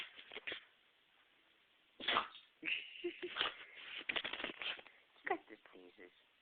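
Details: A dog's sneezing attack, reportedly lasting about five minutes, with a run of sharp, explosive nasal bursts in quick succession: repeated sneezing.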